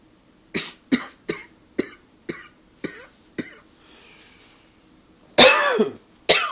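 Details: About eight short dry hacking coughs, then a louder longer cough and one more: a tickly dry cough, not a fit, attributed to allergies and partly to smoking.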